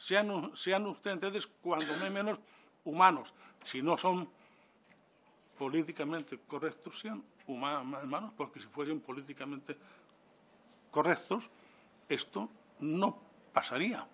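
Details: Adult man who stutters (real, self-reported), speaking before a parliamentary commission; stuttering.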